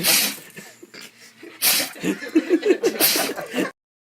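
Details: Pet sneezing among dogs and cats: a few short, hissing sneeze bursts mixed with quick snorts and huffs from a small animal.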